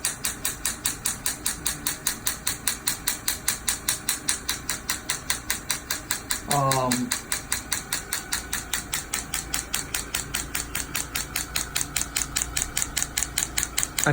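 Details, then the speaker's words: Rapid regular sharp clicking pulses, about 150 a minute, with a brief voice; low-intensity extracorporeal shockwave therapy, gel-coupled, applied to a young man's Achilles tendonitis after a PRP injection, one of a weekly series. "these are acoustic waves so the the gel helps transmit the waves here into the tissues"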